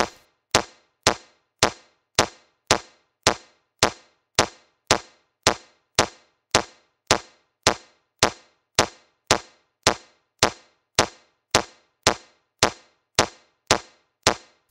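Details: Metronome of a Mindray C-series AED in a training video, pacing CPR: sharp, evenly spaced clicks at about 107 a minute for 30 chest compressions and two mouth-to-mouth breaths.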